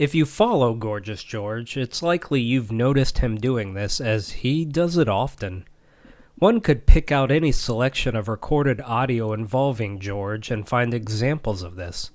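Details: Adult male narrator; normal speech.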